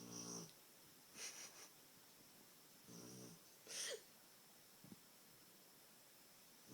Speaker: My dog Lady sounds like a motorboat sometimes when she snores.